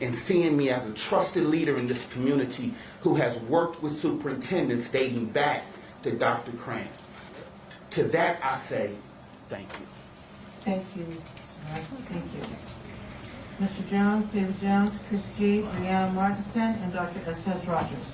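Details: Adult speaker in a meeting room; no voice disorder.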